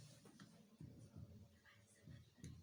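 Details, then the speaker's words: Chest percussion teaching demonstration over the cardiac bare area, the part of the heart not covered by lung, near the sternum at the 4th–5th spaces: a resonant note is heard. Resonance here suggests lung encroachment, such as emphysema or pneumothorax. "يمكن سامع الريزونانس ده. ولايت بركشن معناها ان ايه؟ ان حصل انكروتشمنت، يا اما انفيزيما يا اما نيمو سوراكس، يا نور تبقى امبيرد نور."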